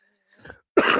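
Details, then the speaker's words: Adult clearing throat while live streaming, a soft rough clear then a sharper louder burst; speaker says she is wheezing, dislikes how her breathing sounds and may need her inhaler. "I [clears throat] am wheezing, y'all. I I don't like this."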